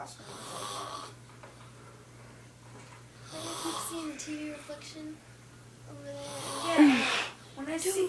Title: Snoring mom